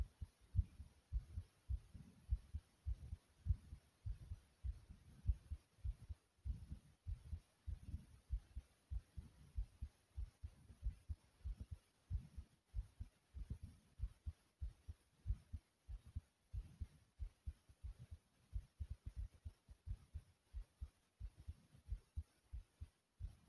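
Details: Heart racing after a lot of running in place, with hard breathing; fast, deep heart thumps around 100 a minute with muffled breathing noise, a normal racing heart after exercise.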